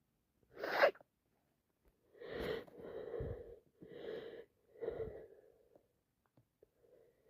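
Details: Person with bad allergies sneezing constantly: one sharp sneeze, then several breathy "ah" wind-up sounds with pauses. Repeated allergic sneezing.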